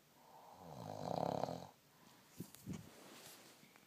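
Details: Adult man snoring: one long, vibrating, rattling inhalation, then softer breathing with small clicks.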